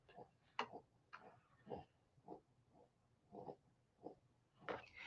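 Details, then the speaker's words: French Bulldog awake and snorting, which the owner calls snoring or bong breathing; repeated short, grunting, nasal pig-like snorts about every half second to second. "She's like awake snorting."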